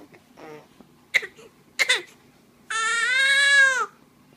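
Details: 6-week-old baby girl in her mamaRoo: short fussy sounds build into a sustained, clear-pitched wail lasting about a second; ordinary young infant cry.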